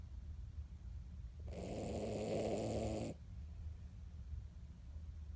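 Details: 16-year-old Miniature Dachshund napping after her weekly bath: a single drawn-out, rough, low rattling breath lasting about a second and a half against quiet room noise; a snore.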